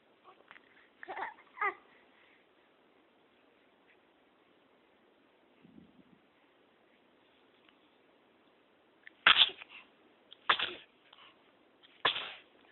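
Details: Repeated sneezes: sharp, explosive bursts in clusters, with a loud run of three or four near the end, in a tinny phone-quality recording.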